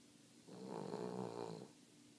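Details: A single low, vibrating snore lasting about a second from a small King Charles dog in a quiet room; snoring.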